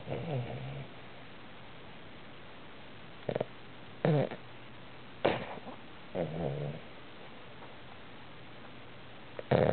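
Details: 9-month-old Boston Terrier snoring: short snorting, rattling breaths every second or two against a steady background hiss.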